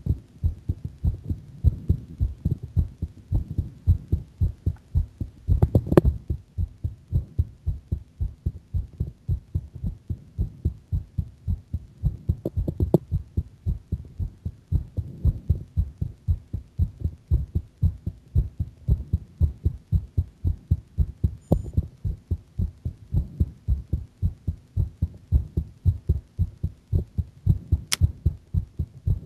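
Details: Steady, deep heart thumps at a quick pace, roughly 110 beats a minute, with faint room hum; the person says their heart sounds a bit faster; fast heartbeat.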